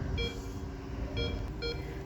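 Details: Three short electronic alarm beeps from an Allied Meditec M303 vital sign monitor during an alarm setup demonstration, over a low room hum; monitor alarm beep.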